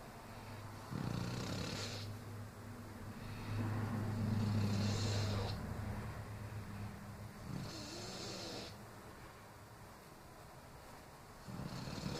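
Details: Female sleeping and snoring: low rumbling snores on the in-breath alternate with airy out-breaths, about three breath cycles in twelve seconds.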